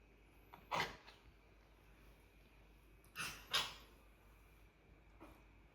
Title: Bobby (grey cat) coughing after she threw up immediately (after being fed)